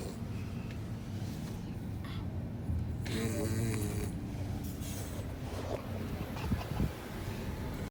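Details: Sleeping Labrador puppy, seemingly very tired, snoring loudly: low rattling snores over steady room noise.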